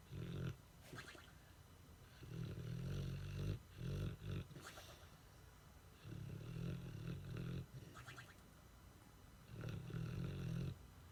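Deep, fluttering snorts and rumbling snores repeating every few seconds, with some snuffling between; loud snoring in a short-nosed dog.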